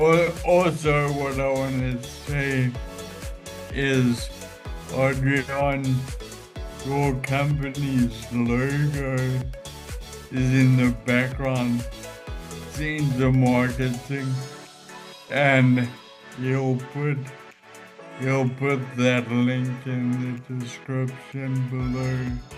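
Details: Adult man with Friedreich's ataxia causing ataxic dysarthria; ataxic dysarthria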